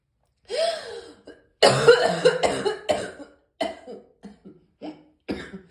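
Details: Morning cough: a rough, throaty cough, then a fit of repeated coughs trailing off into shorter hacks.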